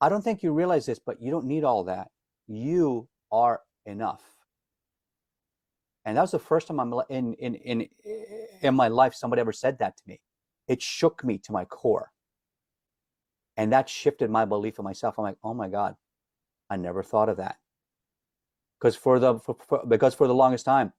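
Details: Adult man, self-described stutterer, can hide it when singing as a classically trained opera singer; some repetitions audible; stuttering.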